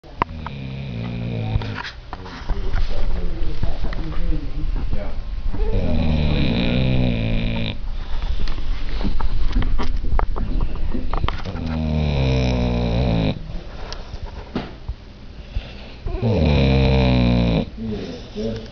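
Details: Male dog having a good sleep, snoring loudly: rumbling snores recurring every few seconds with softer breathing noise between them.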